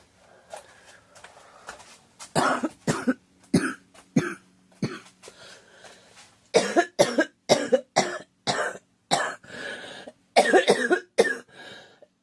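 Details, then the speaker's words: Girl with a suspected cold, scratchy sore throat, coughing: repeated bouts of short, harsh coughs, about twenty in all, some in quick runs; persistent dry-sounding cough. "I think I'm getting a cold or something, but I need a drink. Excuse me. Yeah, my throat's been kind of scratchy and it's kind of sore."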